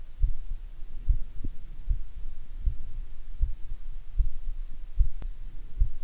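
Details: Normal heart sounds via a DIY electronic stethoscope with BPM heart-rate software: steady low thumps at about 75 beats a minute, a normal resting rate, over a faint background hum.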